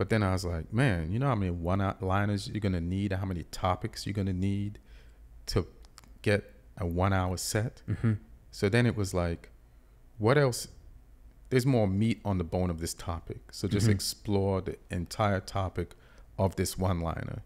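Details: Adult male speaker; normal speech.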